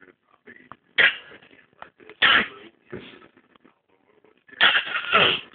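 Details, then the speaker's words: Male who has a very bad cold: several abrupt harsh coughing bursts with quiet sniffing between; bad cough. "oh he got a bad cough you have a cough you okay oh no him has a very bad cold"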